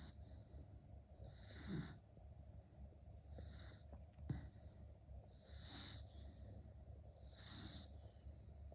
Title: Very loud snoring #dog #funny #snore